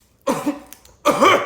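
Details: Two short, high-pitched coughs from a toddler coughing with a full mouth (a cap), the second louder and more voiced.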